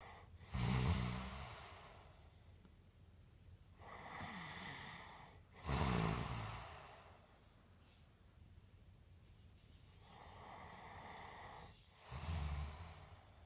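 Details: Snoring during sleep, linked to an anti-snoring mouth guard (whether worn is not stated): slow, loud rumbling breaths recur about every six seconds with quieter breaths between.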